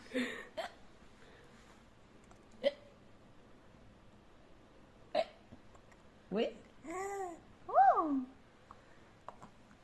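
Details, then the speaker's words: Brief, sharp voiced catches recur every few seconds in a quiet room, some with short vocal sounds between them; hiccups. "Hichki लग गई."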